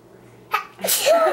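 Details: 3-year-old boy sneezing unexpectedly: a quiet indrawn breath, then a single sharp sneeze followed by a short voiced sound; sneezing.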